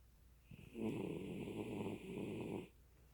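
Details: Snoring: one long, rough, rattling snore lasting about two seconds, with a whistling edge through it.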